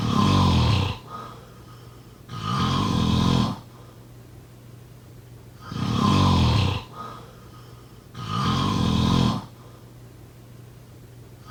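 Loud, rumbling snores repeat about every three seconds, with quiet pauses between. This is ordinary snoring, about 20 snores a minute.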